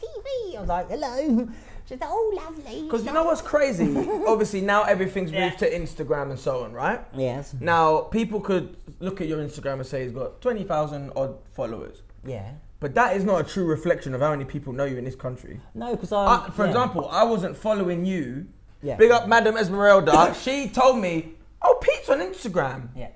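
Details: Adult man speaking in conversation; normal speech.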